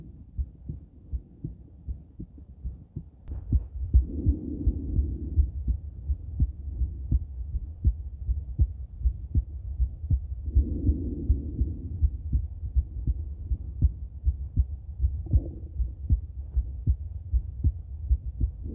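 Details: Female heart auscultated with different stethoscopes at Erb's point, then mitral, tricuspid, aortic and pulmonic areas: steady low lub-dub heartbeats at about 80 a minute with some rubbing noise; normal heart sounds.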